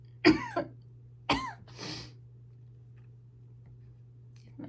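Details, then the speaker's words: Two short, harsh coughs followed by a throat clear, in a quiet room with a low steady hum, from an adult with really bad lungs; they say their husband will come running with their inhaler. "husband keeps hearing me cough. He's going to come running with my inhaler."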